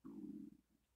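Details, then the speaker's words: Adult woman lying in bed, with chronic diarrhea, awaiting GI consult, not diagnosed with Crohn's despite family history: a half-second low rumbling stomach gurgle trailing into faint bubbling, audible bowel sounds. "my stomach just I don't know if you'll be able to hear it but my stomach's just been gargling"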